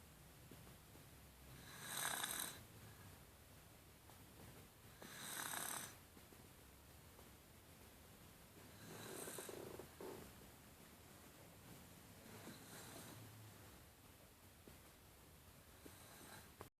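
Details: Snoring: rhythmic rasping snores on each breath in, about 15 a minute, in a quiet room.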